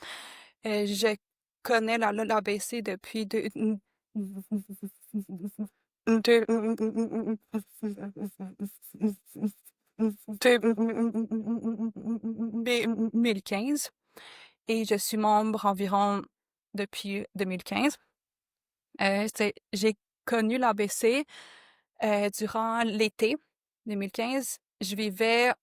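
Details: Adult woman who stutters, a member of a stuttering association since 2015; stuttering.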